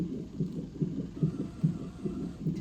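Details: Woman at 41 weeks of pregnancy during scheduled labor induction (later unplanned C-section): rapid, regular whooshing pulses from a fetal monitor, about 145 a minute, a normal fetal heart rate.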